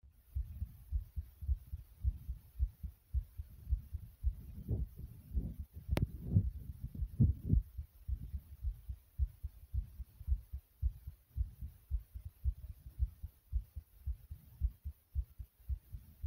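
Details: A person's own fast heartbeat (tachycardia): rapid, regular, low thumping at about 110 beats a minute.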